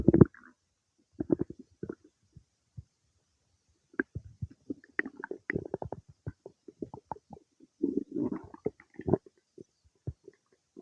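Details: Irregular gurgles, squelches and rumbles from the belly some time after eating cake; ordinary digestive bowel sounds.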